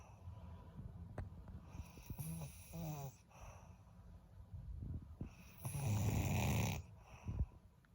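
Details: Loud, rough, rattling snores on breathing in, with softer snorts and breath noise between them; snoring.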